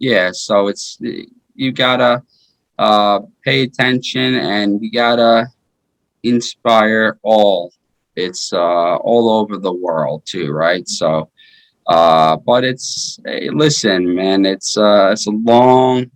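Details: 33-year-old man with aphasia after a stroke in 2019, which followed repeat heart surgery that year; earlier heart surgery at age 16; initially unable to speak or move; aphasia.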